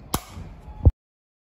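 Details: A sharp snap, a brief hiss, then a louder pop: a needle-free anesthesia injector firing at a hair transplant clinic.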